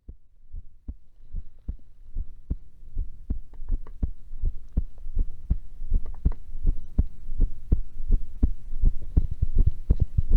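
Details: Heartbeat recorded while playing a horror game, with a scream also heard: steady, regular low heart thumps at about 82 beats a minute with soft background hum: normal heart sounds.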